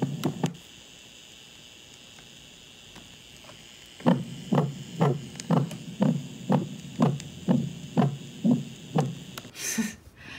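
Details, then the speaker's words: Veterinary student's auscultation recording at the mitral valve, reviewed for a feline exam; regular heartbeats about 120 a minute with a smeared whooshing murmur filling the gaps: mitral regurgitation murmur. "Ça, c'est quand il y a une insuffisance mitrale, enfin, quand il y a un souffle."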